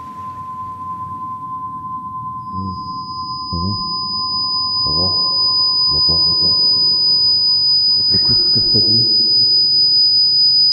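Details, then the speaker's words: Simulated sound effect of sudden deafness with tinnitus: steady high whistling tones over muffled, indistinct speech and background sounds. "voilà là notre personnage ressort de son acouphènes alors pour bien faire il faudrait alors que ce soit un peu moins rapide pour laisser monter le temps du malaise"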